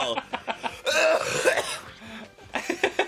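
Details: A short run of rough, harsh coughs mixed with laughter-like sounds, from a cough compilation; nearby talk mentions having gotten sick with influenza.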